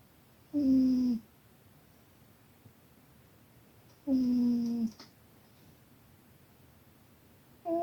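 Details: A cat napping and snoring very loudly: loud, tonal, buzzing snores about every three to four seconds with quiet pauses between them; snoring.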